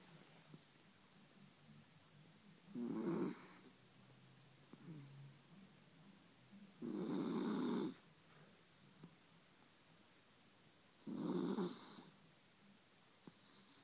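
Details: Sleeping dog snoring next to the owner: three soft, rumbling snores, about 14 a minute, in a quiet room, described as sounding like a human; snoring.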